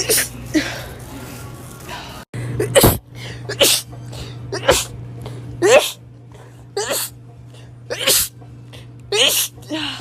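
About eight sharp sneezes in quick succession from different people, with a steady low hum and some faint music in the background.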